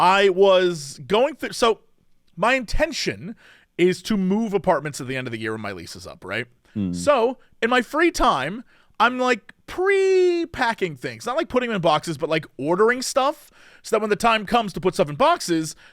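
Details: Adult man speaking; normal voice.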